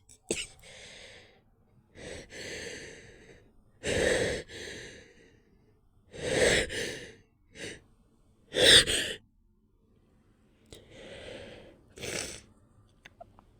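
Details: Stifled sneezing: a run of muffled, pinched sneezes held back by holding the nose closed, with gasping breaths in between.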